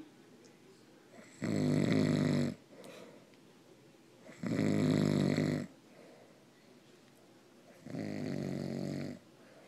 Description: My grandpa was asleep and he said he never snores. So my grandma and I tried to prove a point.